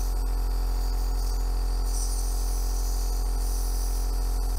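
A loud, steady, deep motor buzz with a faint rattle; a compressor nebulizer running normally while producing aerosol.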